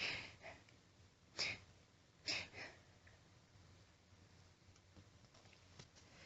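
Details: Woman announcing her sneezes, also blowing nose: two sharp, forceful sneeze bursts in quick succession with faint sniffing and breathing in a quiet room; powerful ordinary sneezing.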